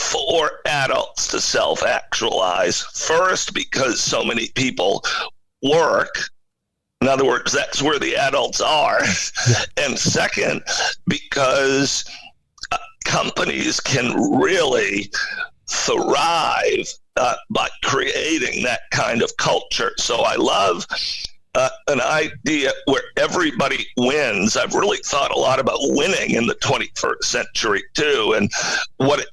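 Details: Adult man with spasmodic dysphonia, a rare neurological voice disorder affecting only speech, acquired in 2010 with sudden onset of difficulty using his voice; no known cause or cure.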